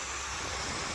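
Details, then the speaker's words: CPAP machine running on a Jackery portable power station, drawing about 35 watts at startup: steady, even airflow hiss with a soft low hum. "cpap is running let's see what the jackery says for output"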